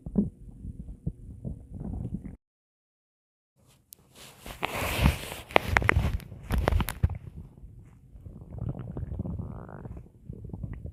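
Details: Ordinary stomach growling (borborygmi) while watching a video: low gurgling rumbles, a brief silent gap, then a rising squeal near the end.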